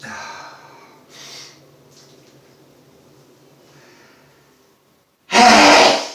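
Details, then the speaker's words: Soft breathy intakes, then one loud explosive sneeze during a day of repeated loud sneezing, just before sniffing pepper to provoke more. "loud they're loud today that's a big one oh god that comes from my toes all the way up"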